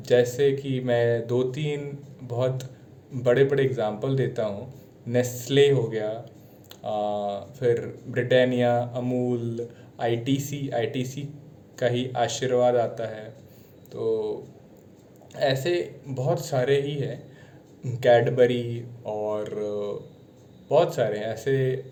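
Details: Adult man speaking Hindi; stuttering.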